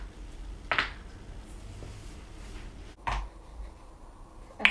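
Three sharp, brief pops in a quiet room, typical of harmless joint cracking.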